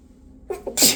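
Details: Two quick catching breaths build into one sharp, hissing sneeze; a sneeze induced by a nose tickle, one of a series.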